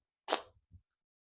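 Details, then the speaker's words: Adult recovering from a week of allergies, still raspy and nasal, gives a single sudden, explosive sneeze, sharp and hissy at onset, fading with a soft low after-sound; sneeze. "I'm probably a little bit raspy and a little nasally still too. I'm still sneezing quite a bit."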